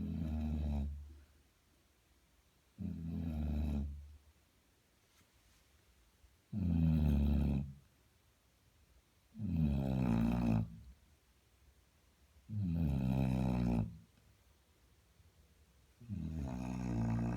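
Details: Basset hound dog sleeping with loud, rattling snores, about 19 breaths a minute, quiet pauses between each snore.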